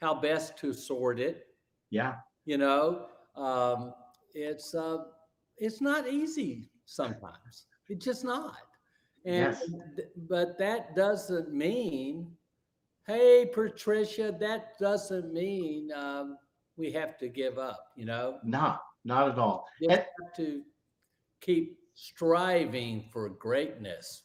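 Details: Stroke survivor with aphasia caused by a stroke about 9.5 years earlier, speaking live; aphasia.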